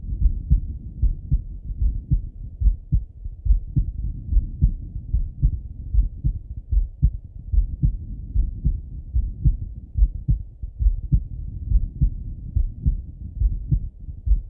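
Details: Male heart auscultated with a stethoscope, recorded either sitting at a desk or lying in bed: muffled regular low heartbeat about 72 beats a minute with some rubbing noise; normal heart sounds.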